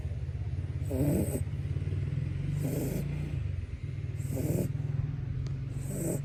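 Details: Shih Tzu snoring in sleep: four rhythmic rasping snores, roughly one every one and a half seconds, over a steady low rumble; small-dog snoring.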